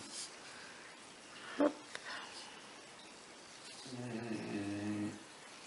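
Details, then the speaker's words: A sleeping pet bulldog snoring in the background, which the owner calls normal and usual for this dog: a faint click, then one low, rumbling, buzzing snore in a quiet room. Snoring. "bon je pense que vous entendez toujours ronfler mon bulldogs derrière jeu c'est normal c'est normal"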